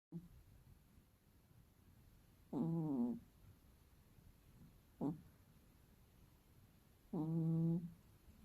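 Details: A sleeping cat gives loud, droning, tonal, human-like snores on breathing in, with quiet stretches between: snoring.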